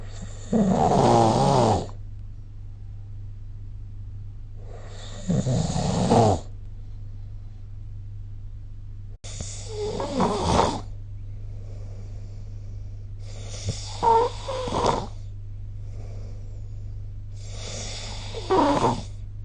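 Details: Snoring during sleep recorded with the SnoreLab app: loud rattling snores with each breath, about five in twenty seconds, over a steady low hum.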